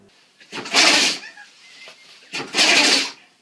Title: Animals Sneezing Compilation 2013 NEW HD]